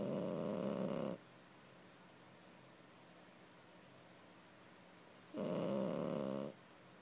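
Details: Sleeping subject, seemingly comfortable, with two loud, buzzing snores about four seconds apart and quiet pauses between: heavy snoring.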